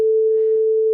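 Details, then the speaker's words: Simulated diplacusis: a single steady pure tone heard as reference pitch, illustrating the hearing disorder in which an identical pitch is perceived differently in one ear than the other; headphones required. "Diplacusis is a hearing disorder that causes a person to perceive an identical pitch differently in one ear compared to the other."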